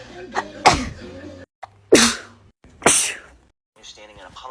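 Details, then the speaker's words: Woman sneezing indoors, attributing it to pollen allergy and saying she may have a fever: three forceful wet sneezes in quick succession, each with a sharp burst of air after a brief intake; a sneezing fit. "Why am I allergic to pollen? The planet is filled with plants."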